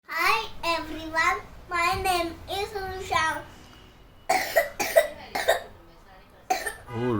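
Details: A young child with a runny nose and cough: high-pitched whining, then a run of several short, sharp coughs and a brief return to whimpering.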